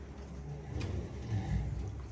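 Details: Snoring of a sow asleep at rest during quiet hour: low, steady rumbling with a slightly rising pulse of noise, like a man's snore.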